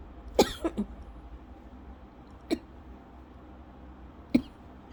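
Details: Lingering scratchy-throat cough over a month after illness, in a person with asthma, milder episode not triggering asthma cough: short, dry, fairly soft coughs, a quick triple then two singles over about five seconds.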